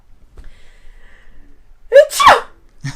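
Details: Italian girl, an actress, sneezing on request: a quick breath in, then one loud explosive sneeze.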